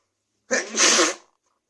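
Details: Person repeatedly sneezing: one forceful sneeze, a brief in-breath then a sharp hissing burst.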